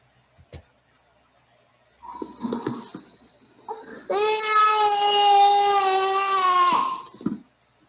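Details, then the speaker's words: Crying from a 2-year-old child with massive bronchial obstruction and audible wheezing unresponsive to salbutamol, ipratropium and rectal prednisolone: brief fussing, then a loud, sustained, full-voiced cry; the wheezing disappeared during crying and did not return afterward. "It is a cry of body and soul. During the cry, the wheezing has been disappeared."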